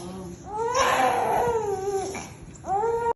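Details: Infant with a first fever, cough and cold: short distressed wails with breaks between them, crying during nasal mucus suctioning as a nurse demonstrates it.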